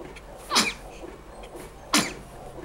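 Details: Baby sneezing: two small, sharp sneezes about a second and a half apart, with quiet room noise between.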